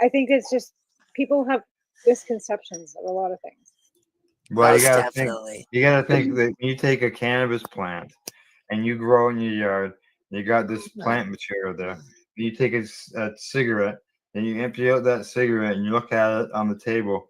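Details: Adult male speaker; Normal voice.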